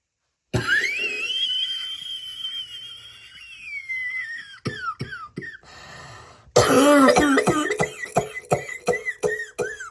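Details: Cough: a long whistling tone, then a run of about a dozen short, sharp, dry coughs in quick bursts.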